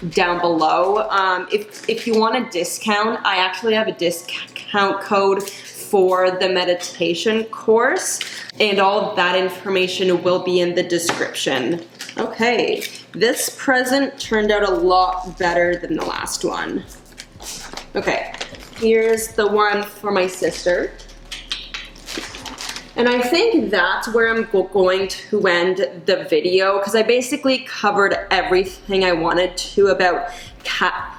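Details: Adult woman who stutters; she says caffeine worsens her anxiety and stutter, recently gave up coffee but still drinks tea and decaf; stuttering.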